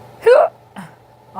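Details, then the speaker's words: Hiccups in a person who says they are the first this year, after drinking soup broth too fast: short voiced gulp followed by a softer catch, with faint room hum behind. "my hiccups are bad yeah yeah yeah first time I've had them all year this is a rare moment so I thought I catch them on camera"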